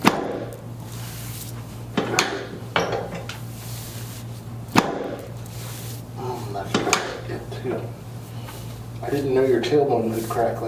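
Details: Several sharp cracking pops over steady room hum, then brief voices: joint cavitation during chiropractic spinal adjustment of a patient with cerebral palsy and constant stiffness.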